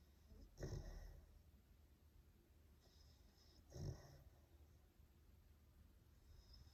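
Two low, rough snorting breaths about three seconds apart over a steady low hum; snoring.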